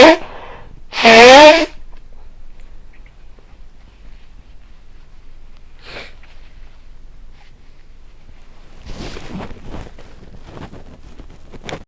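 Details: Repeated early-morning sneezing after waking, possibly from pollen (uncertain; it had rained all the previous day): one loud, explosive sneeze with a brief voiced edge, then a few soft sniffs and rustles in a quiet room.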